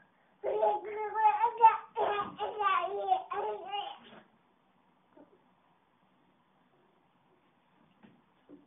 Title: Angry baby